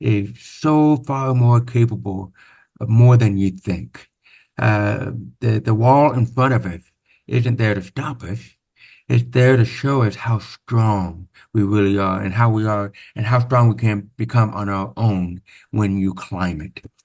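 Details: Man born with severe-to-profound hearing loss (about 90%) who had over 13 years of speech therapy; deaf speech (speech of a person with profound hearing loss).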